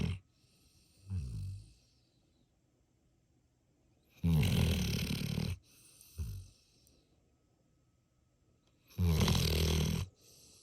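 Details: Deep, rumbling snores alternating with softer snorting breaths, about 13 breath cycles a minute, in a quiet room: snoring.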